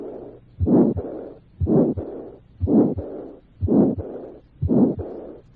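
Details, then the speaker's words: Heartbeat at 60 a minute at the third left intercostal space: harsh aortic stenosis systolic murmur, then a soft diastolic murmur of weak-to-moderate intensity from aortic regurgitation. Combined aortic stenosis and regurgitation murmurs. "Se ausculta el soplo de estenosis aórtica y un soplo de intensidad débil o moderada por insuficiencia"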